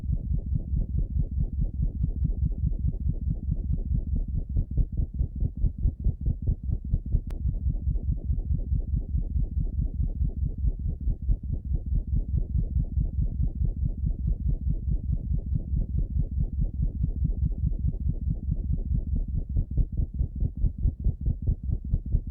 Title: Heart murmur in a rabbit with mitral valve regurgitation